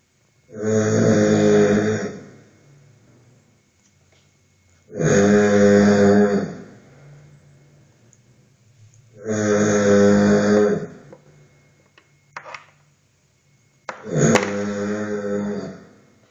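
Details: Snoring recorded during sleep monitoring with a snore-detection app: loud rasping snores on each breath in, about 14 a minute, with quiet breaths out between, in a quiet room.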